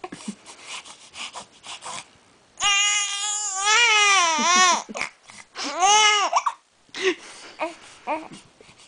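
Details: Infant: two drawn-out, high, wavering wails between short fussy sounds; infant crying.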